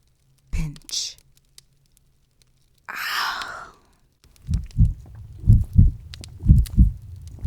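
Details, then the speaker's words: Simulated heartbeat sound effect in a fictional vampire audio drama, representing the listener's nervous heart: after a whisper and a breathy sound, paired low thumps at about 60 a minute. "I can hear your heart quaking with adrenaline. Am I making you nervous, pet?"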